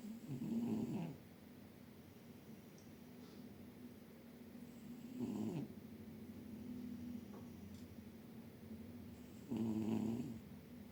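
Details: Orange cat asleep on a chair with his face hidden under a paw, snoring softly: three soft, low snoring breaths over about eleven seconds in a slow sleeping rhythm.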